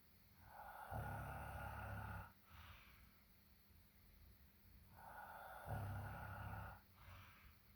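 Two long, low, rumbling snores on the in-breath, each followed by a softer out-breath, in a quiet room.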